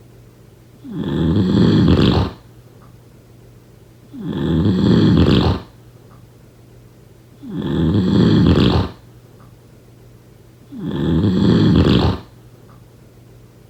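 Regular, loud rumbling snores on each breath, about 18 a minute, with quiet pauses between them in a small room.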